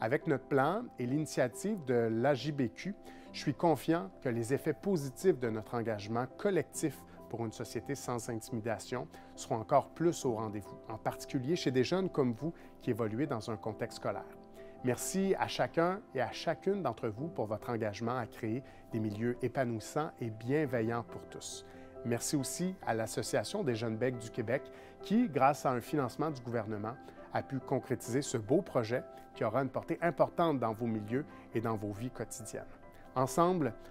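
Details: Adult male speaker; normal speech.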